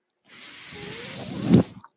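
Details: One mechanical ventilator breath: a steady airy hiss builds to a brief louder rush, then stops. It comes from a podcaster's own ventilator, heard during speech.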